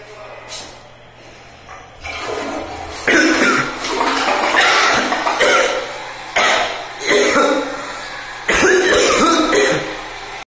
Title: Flushing a toilet while coughing